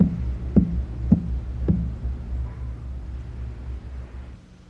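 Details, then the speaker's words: Splenic percussion sign: percussion at the lowest interspace in the left anterior axillary line as the patient takes a deep breath gives three hollow, drum-like tympanic taps over a low hum; tympany persists, so the sign is negative and splenomegaly is unlikely. "when spleen size is normal tempany usually persists and the sign is considered negative an enlarged spleen is then very unlikely"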